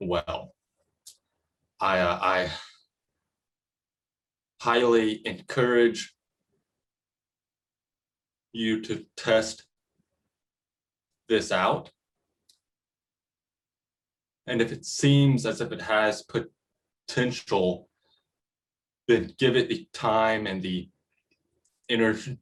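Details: Middle-school boy who states that he stutters; finding: stuttering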